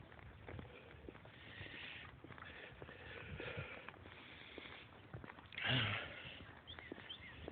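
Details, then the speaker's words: Congested, short-of-breath adult walking fast on an outdoor trail gives one short, harsh cough burst, with sniffing and footsteps nearby; cough. "I'm sure you heard the coughing. If it sounds like I'm short of breath, it's because I'm congested, so it's kind of hard to breathe."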